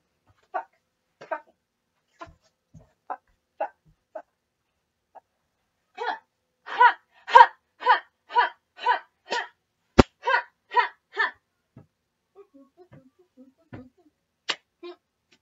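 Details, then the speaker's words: Rapid run of short, loud, repetitive vocal bursts and throat noises in a person with Tourette syndrome attempting a don't-move challenge; a loud, relieving tic that has been happening today. "That is, that’s been going on today, and I don’t like it. Because it’s really [tics] it’s really loud!"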